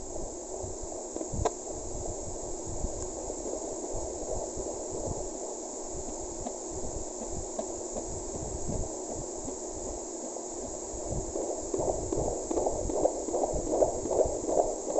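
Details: Fetal heartbeat on Doppler at 6 months of pregnancy in a mother with PCOS, now stronger than before: steady hiss with rapid rhythmic whooshing pulses at about 130-150 beats a minute.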